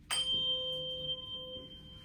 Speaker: in the next test I'm going to do is I'm gonna put this at the top of your head and let me know which ear you hear it in okay